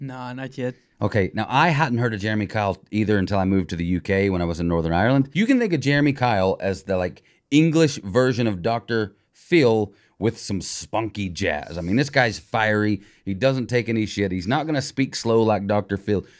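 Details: Adult man talking; ordinary speech.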